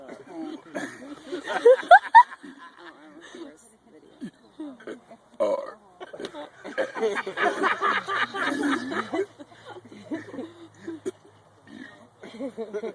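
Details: Deliberate burping of the alphabet: drawn-out voiced belches shaped into spoken letter sounds, with laughter around them.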